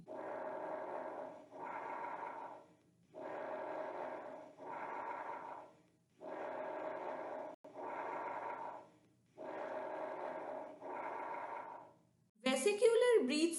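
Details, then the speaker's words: Normal bronchovesicular breath sounds, heard posteriorly between the scapulae and anteriorly at the first and second intercostal spaces lateral to the sternum: medium-pitched blowing sounds with equal inspiratory and expiratory phases. "It can be hard posteriorly between scapula and anteriorly over bronchioles lateral to sterna at first and second intercostal spaces and it is created by air moving through large airways. Now listen the bronco vesicular breathe sounds carefully."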